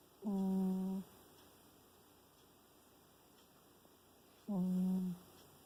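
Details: Sleeping cat: two steady, humming snores about four seconds apart, each under a second, with quiet room noise between. Snoring.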